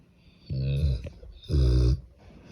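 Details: Cane Corso dog snoring loudly: two loud, low, rattling breath sounds about a second apart; snoring.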